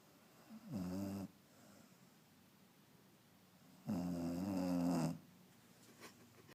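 Two long, rough, rattling snores from a dog during sleep, separated by a quiet exhale pause, in a quiet room.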